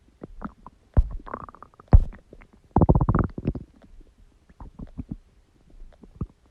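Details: Borborygmi (stomach growling).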